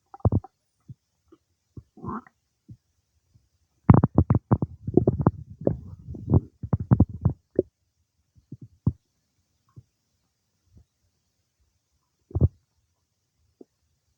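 Gurgles and bursts of bubbling, clustered then sparse: ordinary digestive bowel sounds.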